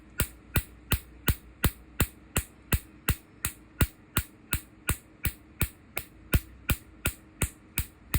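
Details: Second session of tattoo removal with a Q-switched laser: sharp, evenly spaced snapping pulses, about 167 a minute, over a low hum as the laser fires on the skin.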